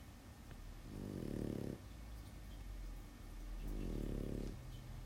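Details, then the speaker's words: Dog snoring in the background of a room while its owner draws. "Yeah, if you're coming in late, that sound in the background is my dog snoring."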